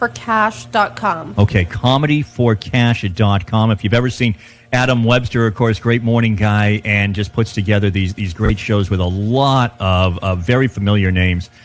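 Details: Adult man speaking; ordinary speech.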